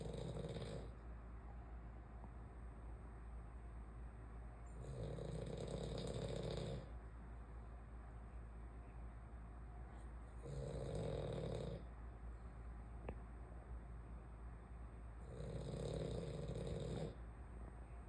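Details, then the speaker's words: A sleeping French bulldog snoring very loudly, like a freight train: deep, rumbling snores on each in-breath about every five seconds (about 12 breaths a minute) over a steady background hum. "Melina, why you snore so loud? Yeah, you snore really loud."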